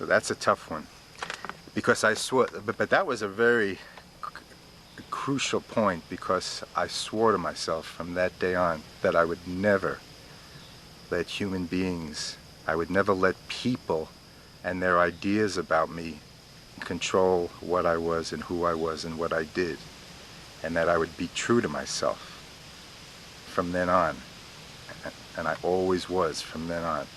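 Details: Adult man of about 47 who has stuttered since youth and had residential summer speech therapy at 19; speaking freely and letting himself stutter, with blocks and speech interruptions he says have lessened over the years; stuttering.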